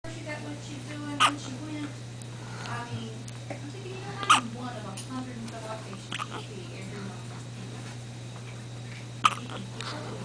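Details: Hiccups in a child after being fed, lasting about 10 minutes: three brief sharp hiccup sounds at irregular intervals over steady room hum.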